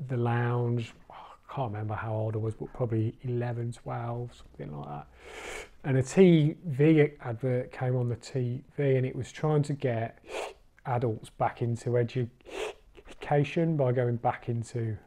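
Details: Adult man, a recovering stammerer who has completed the Starfish stammering course; stuttering (stammering).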